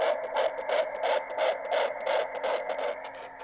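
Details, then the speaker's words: Fetal heartbeat: fast, regular whooshing pulses likened to a galloping horse, played back through a small speaker inside a stuffed bear. "bit weird you might think you might think well that's odd some sort of galloping horse bear something eating um but yeah that noise some of you might know because some of you will recognize it but some of you might not um that is the noise of a baby's heartbeat"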